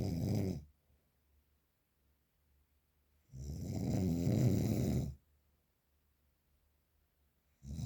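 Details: Real, unprocessed recording of very strong snoring: loud, harsh, rattling snores separated by silent gaps of about two and a half seconds.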